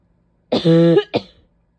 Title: painful barking cough with a couple sneezes